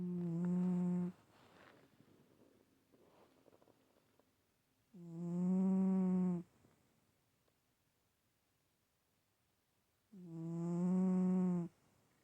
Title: Stache...still...snoring